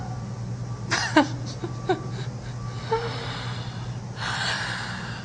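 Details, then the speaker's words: Person with frequent, painful hard hiccups: several sharp, abrupt vocal catches with short gasping intakes over a steady low room hum. "oh my gosh I'm going to have to go get some help I need some help this is horrible"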